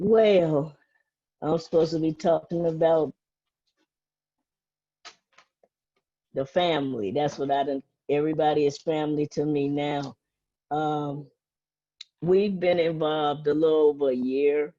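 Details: Adult woman; typical speech.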